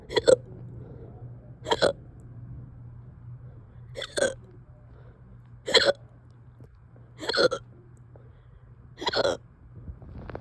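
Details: Six abrupt, voiced hiccups about every 1.5 to 2 seconds, roughly 39 a minute, in a persistent bout reportedly lasting over two hours: hiccups.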